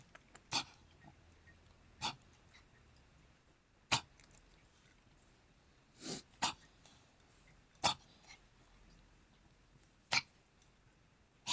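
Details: Male pet cat coughing: about seven brief, sharp hacking bursts spaced a second or two apart in a quiet room.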